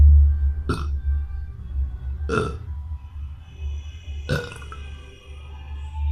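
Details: Boy burping: three short burp bursts over a loud low rumble of background noise.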